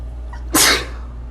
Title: 5 sneezes